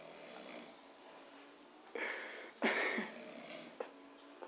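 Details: A man who passed out on a couch, snoring in a quiet room with music around: two or three short rattling breath sounds with a slight whistle over room hum; brief snoring.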